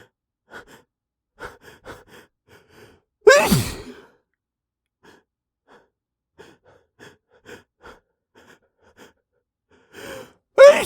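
Repeated short catching breaths build up to two loud, explosive sneezes. Attempts to hold them back fail.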